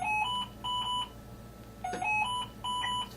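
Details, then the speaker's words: High-pressure alarm on an Esprit ventilator during a training demonstration: repeating bursts of high two-tone electronic beeps. "These are my alarms. This is what is alarming right now. It's alarming high pressure."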